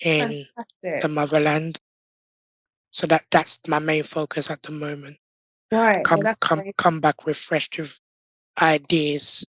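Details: Adult man born six months premature with undeveloped airways, given emergency surgery at birth and living with a tracheostomy tube since; prematurity heavily impacted his vocal cords; tracheostomy voice.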